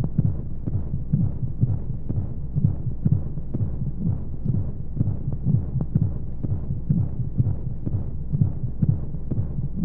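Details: Womb sound played as a baby sleep aid: muffled rhythmic pulses, roughly 120 a minute with regular rhythm, under a steady whooshing white noise with flowing sounds; heartbeat.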